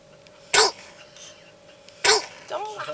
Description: our beautiful baby girl sneezing uncontrolably but cutely !